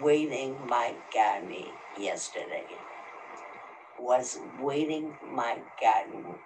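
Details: Person with the non-fluent agrammatic subtype of primary progressive aphasia, a frontotemporal disorder, in conversation with a clinician; non-fluent agrammatic primary progressive aphasia.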